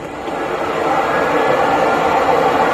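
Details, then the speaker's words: Man with Duchenne muscular dystrophy, whose weak lungs make coughing difficult, using his daily cough assist machine through a face mask to clear mucus: steady loud rushing of air as the machine pushes air into his lungs. "Now what I was doing there with the mask was it pushing the air into my lungs, and then when I did the cough it forced the air back out."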